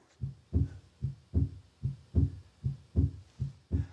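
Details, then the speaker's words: Heart auscultation illustration: regular heartbeat about 74 a minute with a strikingly loud, snapped second sound ("cannon shot"), attributed to pulmonary hypertension: loud P2. "Non, Là, l'intensité du deuxième bruit est bien plus forte. C'est un petit coup de canon."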